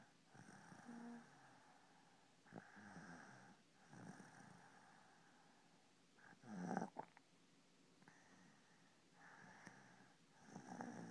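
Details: Soft, breathy snoring in slow regular cycles, with an occasional brief snort, in a quiet room.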